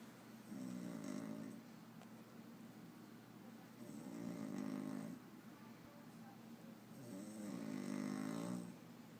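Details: Sleeping person: three soft, buzzing snores about 3 seconds apart, roughly 20 breaths a minute, over quiet room noise; snoring.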